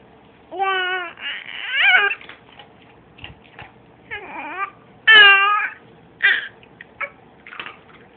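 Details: Infant who had many hiccups, crying fussily in short, broken wails with whimpers and catches between; a baby's fretful cry.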